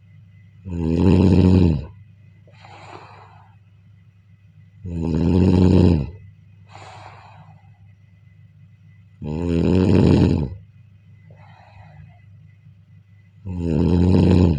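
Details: Snoring during sleep: loud, rattling snores on each inhale with softer breathy exhales, about 14 breaths a minute.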